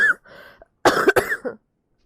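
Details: Girl with a cold who says she is coughing a lot: a soft throaty sound, then a pair of sharp, harsh coughs in a short bout.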